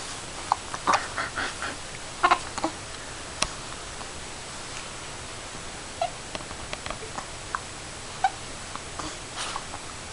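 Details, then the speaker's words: Infant with hiccups: soft babbling, then several short, abrupt gulping clicks at irregular intervals in a quiet room; hiccups. "Did you get the hiccups? Did you get the hiccups?"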